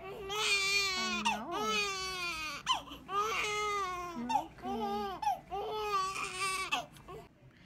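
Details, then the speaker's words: Loud, rhythmic wailing cries with brief breaths between bursts from a newborn girl during her first bath after an unexpected C-section birth; a vigorous, healthy newborn cry. "Say hi to everybody. Yeah, let them know all about your first bath and how mad you are."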